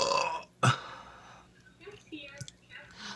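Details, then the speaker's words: A single loud, low, throaty belch from another man heard over a Skype call, not the beer-drinking recorder, followed by faint room sounds; burping. "that was not me this time because you saw me drinking that was in my skype call he burps too"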